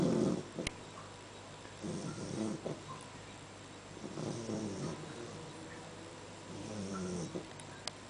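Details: One-month-old Great Dane puppy asleep, snoring in a steady rhythm at about 27 a minute, each breath carrying a rough, rattling noise.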